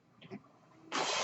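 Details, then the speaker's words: Adult man's home mechanical ventilator: a quiet stretch, then a sudden loud rush of air delivering a breath. "That noise you're hearing is my ventilator, and thank you for tuning in to Page Turners They Were Not, my Star Wars podcast."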